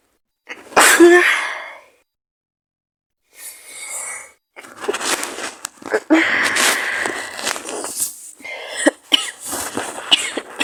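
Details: Person very sick with a bad cold, maybe flu, with fever, in a role-play scenario: a loud sneeze, then a sharp intake of breath, harsh coughing bursts and nose-blowing into a handkerchief.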